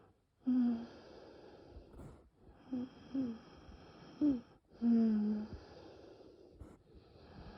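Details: Labored breathing with loud high-pitched musical wheezes across repeated breaths during bronchial spasm in a very severe nocturnal asthma attack, without coughing; airways later reopen with rescue medication; wheezing.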